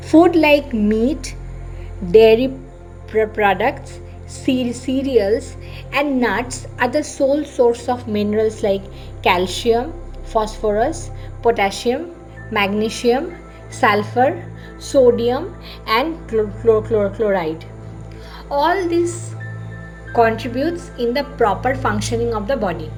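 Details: Adult woman who presents herself as a person who stammers: stuttering.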